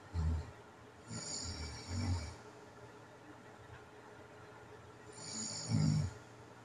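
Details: Overnight recording of a person with sleep apnea: low rumbling snores in bursts separated by quiet seconds; snoring.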